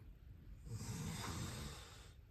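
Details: Snoring during sleep, tagged as sleep apnea: one rough, rattling snore with a breathy hiss, lasting about a second and a half.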